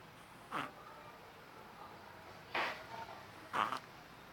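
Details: A 3-month-old shih tzu puppy snoring loudly while asleep: short snorting breaths, three in about four seconds, over quiet room noise.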